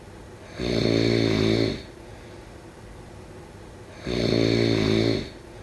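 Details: Two loud, rumbling snores about 3.5 seconds apart, with quiet breathing between them, during sleep: snoring.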